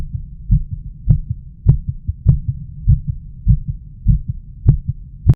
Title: Auscultation of the heart